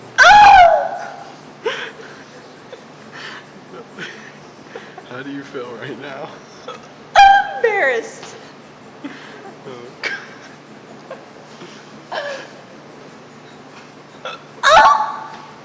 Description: After drinking a sierra mist,this girl has some strange burps.....or hiccups.....you be the judge.